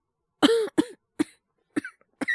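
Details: Acted cough voice: five short, harsh cough bursts in quick succession from an adult man portraying a cold with high fever; cough.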